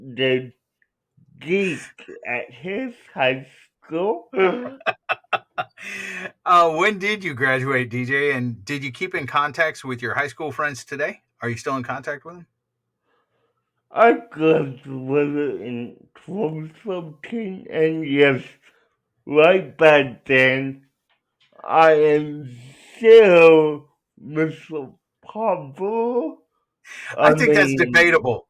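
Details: Adult man with cerebral palsy, real patient answering interview questions; dysarthria.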